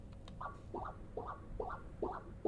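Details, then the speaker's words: Fetal echocardiography, pulsed-wave Doppler with sample just below mitral valve in four-chamber view: regular paired whooshing pulses about 140 a minute, normal biphasic mitral inflow, E wave slightly lower velocity than A wave. "what we are seeing is the normal biphasic inflow pattern across the mitral valve you will see here that the e wave this early phase of filling is slightly lower velocity than the a wave"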